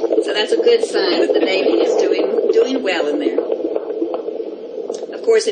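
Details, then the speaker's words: Fetal heart counted in six-second intervals and multiplied by ten (e.g. 16 beats → 160 per minute); fetal heart rate acceleration. "if you're listening to a 12 week or 14 week gestation it's very difficult to count it for very long so you want to count it for about six seconds and then recount it for another six seconds and just keep getting those numbers"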